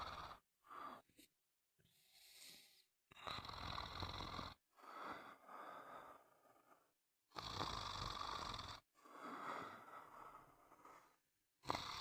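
Loud, rough breathing noises recur with each breath, about 14 a minute, separated by quiet pauses, typical of snoring.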